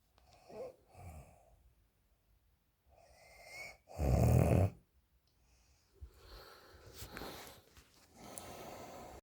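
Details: Low rumbling breaths during sleep, one loud snore in the middle, with softer noisy breathing around it; snoring.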